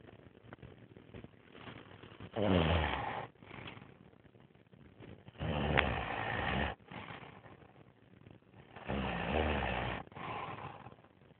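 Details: Adult Asian man snoring, recorded because he snores too much and loudly: loud rattling snores with every breath, quieter exhalations, about 10 breaths a minute; heavy snoring.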